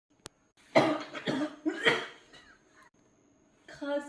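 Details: An adult gives about three harsh, acted coughs in quick succession, then a short voiced sound in a quiet room; a deliberate comedic imitation of a cold with cough and fever. Cough.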